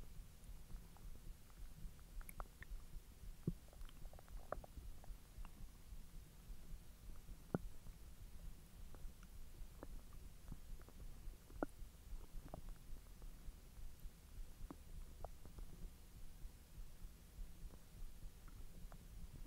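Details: Bowel sounds (borborygmi) after eating hotdogs following a 10-hour empty stomach: soft low gurgles and rumbles with scattered small clicks and squelches; ordinary digestion.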